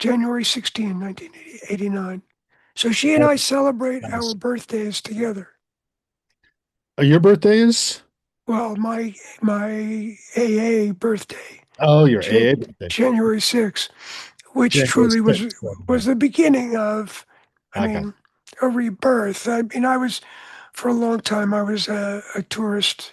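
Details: Adult man with voice change after throat cancer treated with surgery, radiation and two years of experimental chemotherapy, with no recurrence since; voice change after throat cancer treatment.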